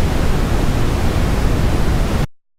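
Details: Simulated tinnitus as brown noise: a steady, deep rushing noise weighted to low pitches, representing the whooshing or hissing heard in tinnitus.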